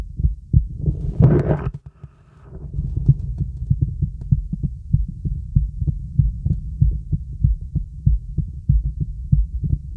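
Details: Normal heart sounds heard with the stethoscope diaphragm during relaxing full-body auscultation with a real stethoscope: brief scraping as the chest piece settles, then steady low heart thumps.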